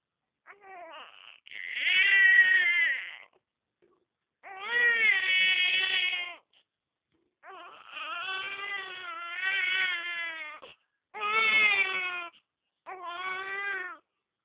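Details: Baby crying: loud, high-pitched infant wails repeated with short pauses for breath, in a quiet room.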